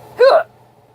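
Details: Hiccups, the first of the year: a single sudden, voiced gulping hiccup followed by quiet.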